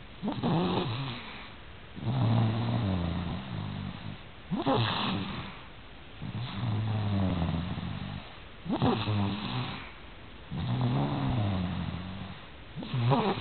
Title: *Snoring Z zzz